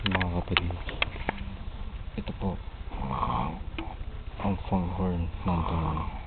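Loud, rough, fluttering breathing noises, rising and falling with each breath against room noise; heavy snoring.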